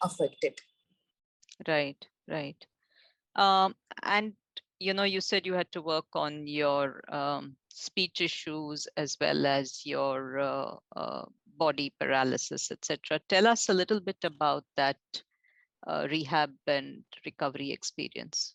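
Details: Adult woman interviewer; normal speech.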